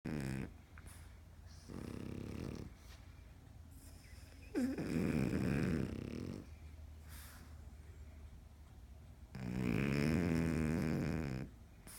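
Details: Sleeping French Bulldogs snoring: long, rumbling, wheezy snores with snorting starts, about five in twelve seconds.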